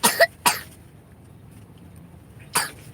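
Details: A young child with a cold and a cough for a couple of days gives three short, harsh coughs, the first a quick double burst, quiet room noise between: a wet cough.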